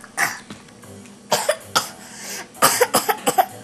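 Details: Two-year-old child gives a run of about nine short coughs, several in a quick closing burst.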